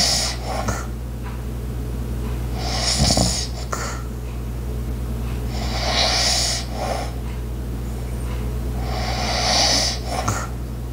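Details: Light, breathy snores about every three seconds amid household background sounds of an ice maker, clicking clock and faint footsteps, with no talking; snoring.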